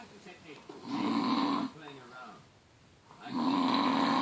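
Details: Person described as world's loudest snorer: two long, loud, rattling snores with quiet breathing between; heavy snoring.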